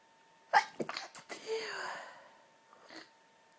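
A sharp, muffled burst, quick catches of breath, then a drawn-out breathy release. A sneeze partly held back.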